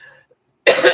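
Faint sound and a brief pause, then one loud, harsh cough burst from an adult woman; a single cough with a lingering cold.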